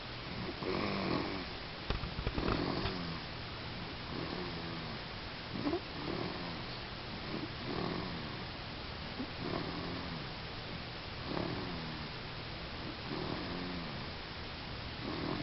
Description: Another vid of snoring.